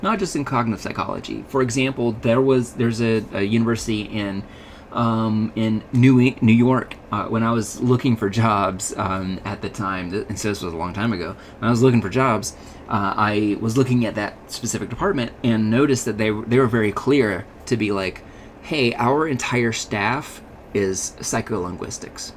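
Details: Adult male speaker, lecture; normal speech.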